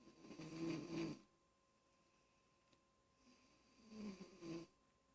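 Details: A child snoring: two soft, rumbling snores separated by a quiet pause, with a faint steady room hum behind; snoring.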